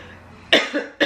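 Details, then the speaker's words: An adult with a frog in the throat interrupts their talking. After quiet room noise they give a sharp cough, and a second cough starts at the end: plain coughing. "Attends, juste une toute petite seconde. Je sais, mais je suis en train de tousser."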